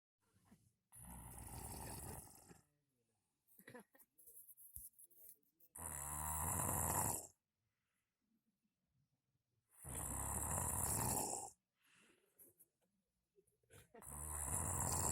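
Loud rattling snores on each breath in, about 15 breaths a minute, with quiet pauses between.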